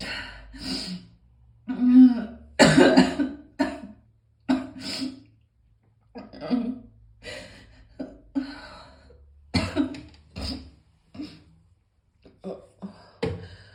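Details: Morning cough: repeated harsh coughs and throat clearing in irregular bursts, about fifteen in all, with breaths between.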